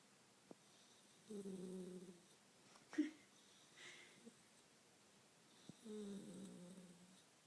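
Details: A sleeping Labrador puppy snoring: two soft, buzzing snores several seconds apart in a quiet room.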